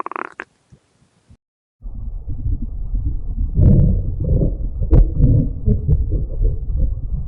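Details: Hungry male's stomach growling: a few faint clicks, then a long, low, rumbling gurgle with bubbling surges; ordinary borborygmi of hunger.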